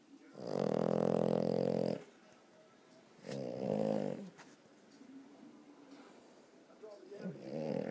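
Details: Sleeping dog snoring while twitching: deep, buzzing, rumbling snores followed by softer snuffling breaths.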